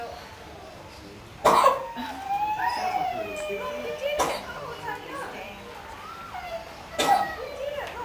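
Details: Three sharp, harsh coughs from a male koala with a cold at a Sydney wildlife park, with people talking in the background; he later recovered: cough from an upper respiratory infection.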